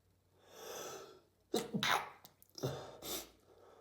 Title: Can’t stop sneezing these days !